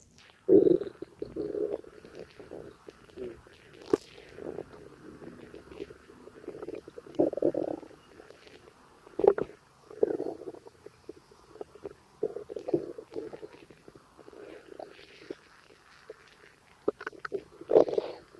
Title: Gassy Stomachache noises and burps 💓💓😵‍💫